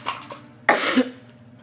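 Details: Vlog about a bothersome ongoing cough, recorded at home: a small throat sound, then one harsh, forceful cough in a quiet room, followed by "excuse me"; cough.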